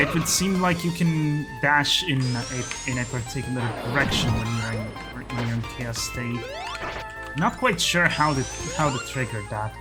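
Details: Stuttering in an adult male who calls his own speech a stuttery mess; repetitions of words and phrases throughout live gameplay commentary.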